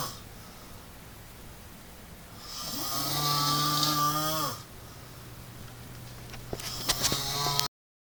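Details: Irish man snoring while sleeping with his eyes open: one long, loud, buzzing snore on the in-breath with a rough rattling quality; snoring.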